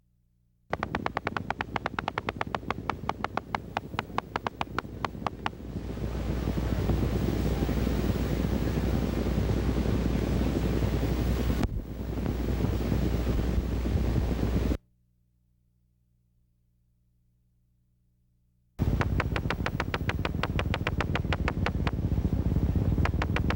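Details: Needle EMG with polyphasic motor unit potentials, including nascent polyphasic potentials of small amplitude but normal or long duration: rapid, crisp crackling discharges.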